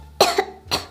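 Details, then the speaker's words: Child fakes illness to skip school: two short, forced cough bursts, deliberately acted rather than a true illness cough; acted cough. "что-то ты кашлять резко перестала"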